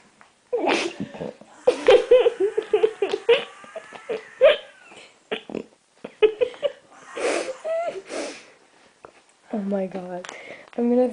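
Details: A person with a recurring hiccup problem hiccups repeatedly while laughing and talking; hiccups.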